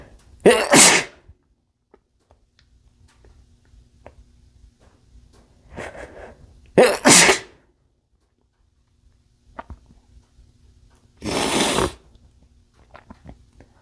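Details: Male sneezing into a bandana: three loud sneezes, each a quick intake then explosive burst, a few seconds apart in a quiet room.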